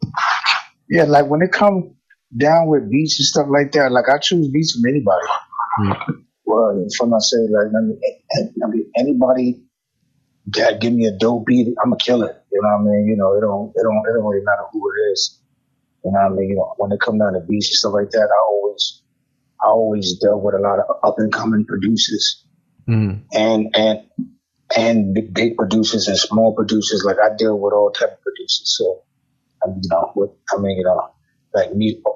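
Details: Adult male rapper with self-described bad stuttering inherited from both sides of his family (father and maternal grandfather stuttered); it affects his conversation but not his rapping; stuttering.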